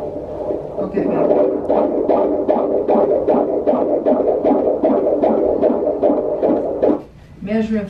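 Rapid, regular whooshing pulses at about 150 a minute from a Doppler monitor: a strong fetal heartbeat.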